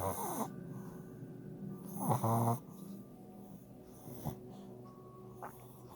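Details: Sleeping puppy snoring: low, rattling snores over a few irregular breaths with faint background noise; ordinary snoring.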